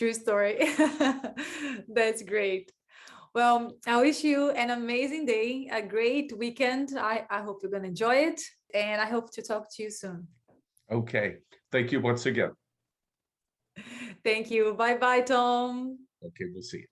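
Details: Adult woman speaking; ordinary fluent speech.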